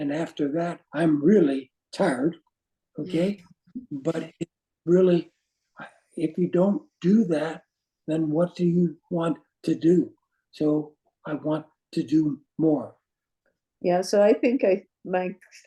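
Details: Adult man with aphasia caused by a stroke, with non-flowing words and difficulty with instant word choice and finding how to say what he wants: aphasia.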